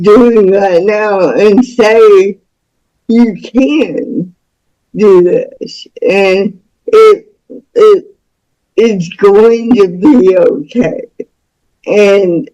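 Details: Speech of a woman nearing 49 with cerebral palsy from birth, born with the umbilical cord around her neck five times. The speech disorder is not specifically named (dysarthric speech).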